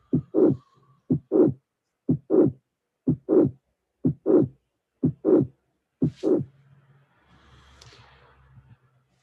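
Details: Late systolic mitral regurgitation murmur, regular near 60 a minute, building late in each systole into the second sound.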